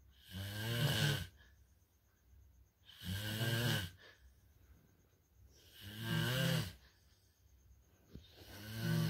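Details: Loud, regular snoring, about 22 breaths a minute, each in-breath a vibrating, buzzing rattle with quiet pauses between; snoring described as level 3, possibly linked to being overtired.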